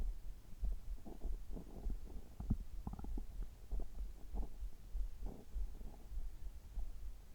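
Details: Adult's abdomen recorded after a gastroscopy with normal results, while drinking water: soft, irregular gurgles and low rumbles; ordinary bowel sounds.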